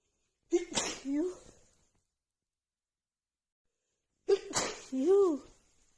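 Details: Woman with runny nose after an hour outside in snowy cold weather plus dust: two full sneezes, each with an in-breath, sharp burst and voiced tail, a few seconds apart; repeated sneezing.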